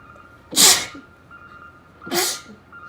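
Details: Female sneezing repeatedly all day, cause unknown; two short, sharp, hissing sneezes about one and a half seconds apart within a long sneezing fit.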